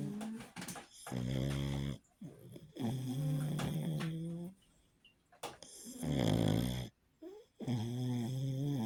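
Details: A sleeping pug gives loud, rattling, grunting snores with pauses between breaths, from noisy airflow through a narrowed upper airway: snoring.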